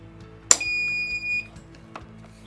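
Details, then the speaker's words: Philips HeartStart OnSite AED battery replacement: sharp plastic click as the new battery seats, then a steady high-pitched electronic beep about a second long as the self-test starts. "You take the new battery and you're going to pop it in until you hear it click Now just so you know, this is going to do a self-test"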